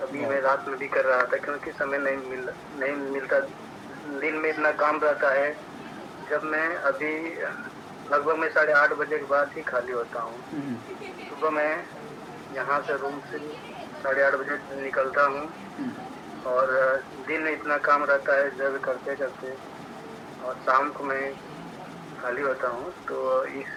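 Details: Man in a stammering therapy session, working on it continuously for about two months; stuttering.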